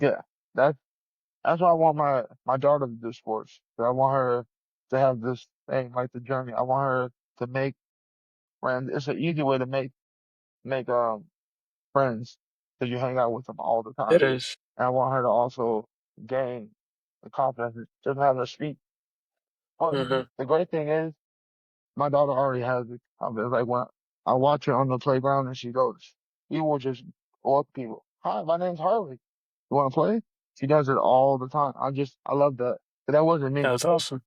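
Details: 34-year-old male UFC heavyweight fighter with a lifelong, persisting stutter since childhood, noticed in school, with hard blocks on 's' words and on his own name; stuttering.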